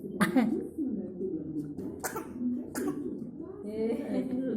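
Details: Young child fakes a cough, acting to ask papa for snacks: about three short, forced coughs between bits of voiced sound, a voluntary cough rather than illness.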